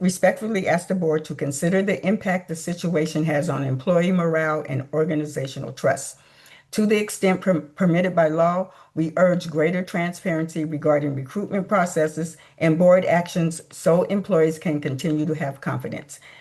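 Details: Adult speaker; typical voice.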